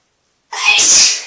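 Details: Single loud, explosive hissing burst after silence, recorded while sitting in a bathtub: one sneeze.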